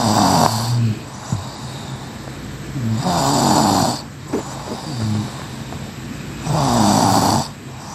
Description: Snoring Sound Effect